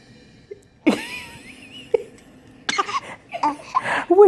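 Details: A smiling baby makes a few short, light, deliberate fake coughs between playful vocal sounds; a voluntary play cough, not illness.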